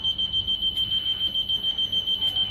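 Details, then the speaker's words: Continuous high-pitched alarm tone from an SLE2000 neonatal ventilator in a teaching demo, set off when pressure rises 4 above the set 20, paired with a leak alarm, needing mute and reset; ventilator high pressure alarm. "الالارم اللي هو الهاي. ودايما الهاي الارم معاه ليك عشان بيبقى في سيفتي ان هو خايف يبقى في اكسس بريشر على اللانج فهو من نفسه بيعمل ليك."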